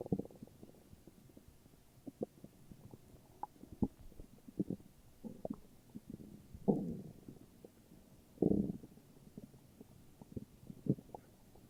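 Soft, irregular gurgles and bubbling rumbles with a few longer growls; ordinary stomach growling.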